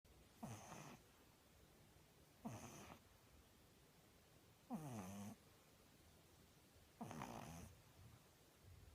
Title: Pug puppy snoring